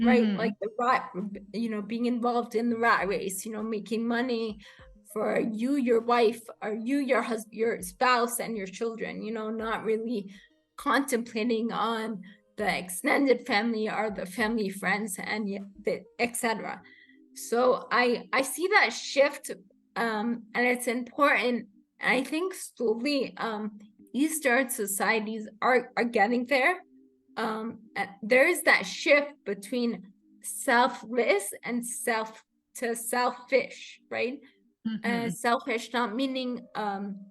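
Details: Adult woman with rare degenerative cerebellar ataxia of unknown cause, diagnosed as a pre-teen; slurred speech began in her early teens; has had speech therapy; slurring worsens with fatigue or emotion; ataxic dysarthria.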